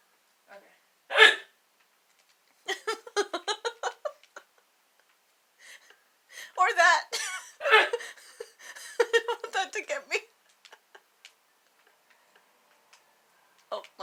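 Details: Sister's hiccups began after laughing while slouching and grew stronger after Tums and too much water; later thought likely due to acid reflux disease. Sharp, sudden vocal hiccup bursts amid quiet talk in a small room; ongoing hiccups.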